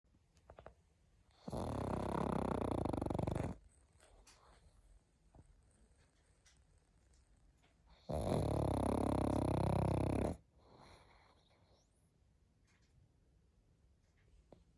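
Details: Pug snoring: two long, loud rattling snores of about two seconds each, with quiet breathing between, in a small room.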